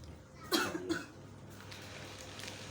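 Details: Chronic long-standing cough in a stonemason, with mucus and vomiting mentioned: two short, rough coughs over room noise, fitting a wet, productive cough.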